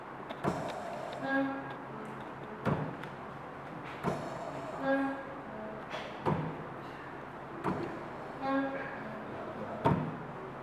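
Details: Locally made mechanical ventilator from Sierra Leone operating: rhythmic mechanical clicks and brief motor hum repeating about 17 times a minute as it cycles breaths.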